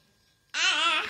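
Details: Baby with a cochlear implant vocalizing between therapist prompts during a Hindi counting speech therapy session; speech attempt of a child with a cochlear implant.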